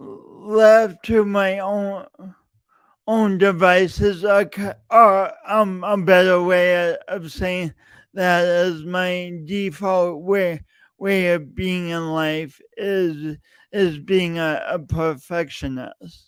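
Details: Stuttering in an adult male podcast host with a long-standing speech impediment that he denied for years; repeated words throughout his speech.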